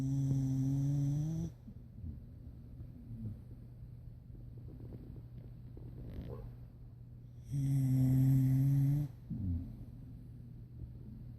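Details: Pit bull dog snoring while asleep: two long, rumbling snores with a whistling edge, separated by a quiet pause with steady room hum.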